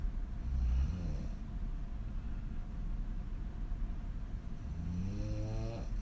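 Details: Adult woman snoring on her back with mouth wide open: loud, deep, rattling snores with heavy throat vibration on each breath; extreme snoring.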